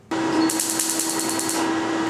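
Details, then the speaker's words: Steady device hum with rapid sharp crackling "popcorn" pops as laser pulses burst remaining tattoo ink on the buttocks during a 20th tattoo-removal session, with slight pain where pigment remains. "À d'autres endroits, par contre, on a encore un petit bruit de popcorn assez significatif, avec la petite douleur qui va avec."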